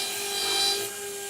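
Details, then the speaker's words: Dental implant drill: steady high-pitched whine with gritty rasping as a 1.6 mm drill cuts an osteotomy on a model lower mandibular arch, placing four Zest SATURNO narrow diameter interforaminal implants; demonstration. "next step is i take my 1.6 millimeter drill the 1.6 millimeter drill at osteotomy and carrying on"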